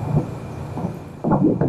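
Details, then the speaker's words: Doppler fetal heartbeat at about 3 months of pregnancy in a 26-year-old mother: rapid, regular whooshing pulses at 159 beats a minute, described as very good: a normal fetal heartbeat. "규칙적으로 잘 뛰고 심박 횟수 1분에 159회 아주 좋아요."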